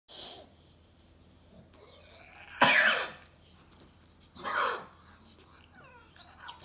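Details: Old female boxer with a worrying cough; vet found no fever or irregular heartbeat and gave antibiotics, owner fears something worse: two loud, harsh coughing bursts and a fainter one in a quiet room.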